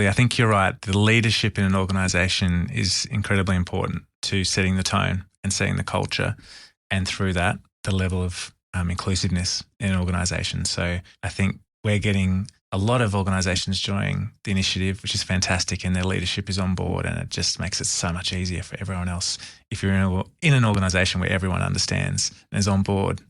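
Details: Adult male speaker; typical speech.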